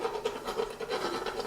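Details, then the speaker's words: Rhythmic scraping rasp strokes, several a second, from a dental float on a sedated gelding's teeth; each pull-back stroke shaves sharp points off the enamel edges, which were catching and limiting side-to-side jaw motion. "so when you pull back it shaves off those sharp edges on the enamel"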